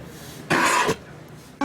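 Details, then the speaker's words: Circus horse undergoing a veterinary rebreathing (forced ventilation) exam, CO2 saturation used to amplify breath sounds to check for pathology: a single loud, harsh, rushing breath, deepened by forced rebreathing. "c'est qu'on les fait on les sature en en CO2 et nous ça permet pour nous d'amplifier les bruits respiratoires et donc d'écouter une éventuelle pathologie"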